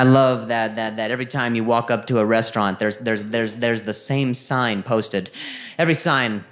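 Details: Adult male with a stutter beginning at age 20 after a softball hit his throat: minor vocal contusion and a major concussion later diagnosed as traumatic brain injury; word repetitions heard, consistent with stuttering.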